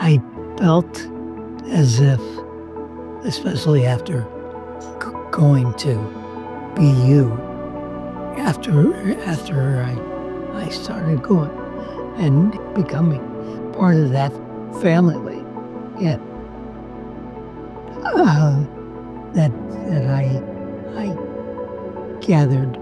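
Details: Person with aphasia speaking with hesitations and repeated words: aphasia.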